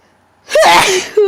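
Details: One very powerful, wet sneeze after a brief quiet pause, with a voiced explosive burst and a short vocal tail; sneezing.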